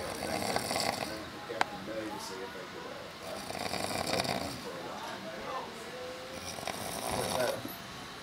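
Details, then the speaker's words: Slow, rough snoring, about three breaths in eight seconds, from a man asleep in a bunk with a cell phone on his head, with background noise and faint voices; loud snoring. "okay so check this out our bunk mate sarmiento this guy right here has passed out sleeping and a snores ridiculous little out and all right this isn't even like half of how he snores"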